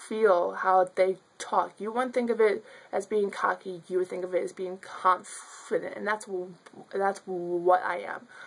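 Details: Adult woman who stutters, speaking spontaneously; stuttering.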